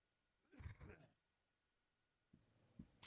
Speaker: you can hear me cough if you listen closely i turn the mic down and you can still hear it it's weird